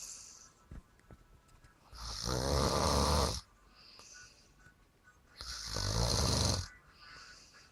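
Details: Heavy snoring: two long, loud, rattling snores on the in-breath with quieter, whistly out-breaths, about 18 breaths a minute.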